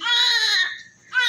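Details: Newborn male baby just delivered, covered in vernix, with strong reflexes: loud, high-pitched, clear cry with a brief pause before the next; strong, healthy newborn cry.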